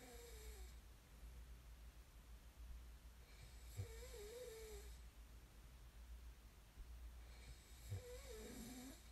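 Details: Low rumbling snores on each in-breath at about 15 breaths a minute over steady room hum; ordinary snoring during sleep, from an ASMR snoring recording.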